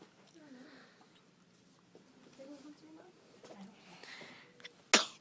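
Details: A single sneeze: quiet room sounds, then one sharp, loud burst of air at the end.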